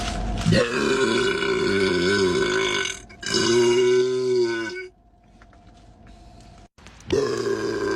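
Three long, loud, drawn-out burps with a deep rumbling tone, separated by short pauses; ordinary belching.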